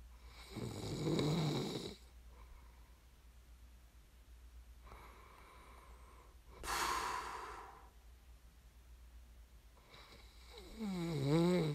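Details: ASMR snoring recording made for listening to fall asleep: irregular rough snoring and noisy breathing in sleep, with snorts between quieter stretches; ordinary snoring.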